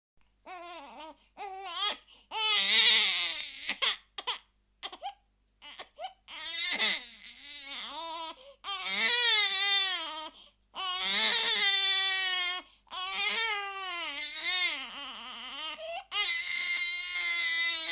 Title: crying baby , sound effect #shorts #soundeffect #effetsonore #cryingbaby #baby